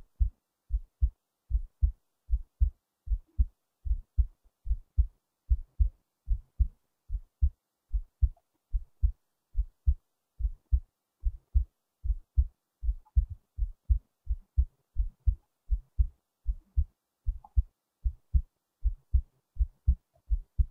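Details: Self-recorded heartbeat, paired low thumps about 75 a minute, steady for the most part with a few slight moments off from regular; normal regular heart sounds.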